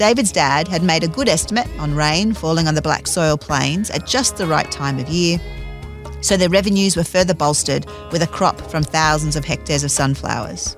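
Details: Adult male speaker, narration; normal speech.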